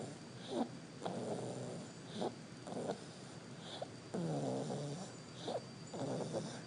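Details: Soft, rumbling snores with irregular breaths against a steady background hum; ordinary snoring.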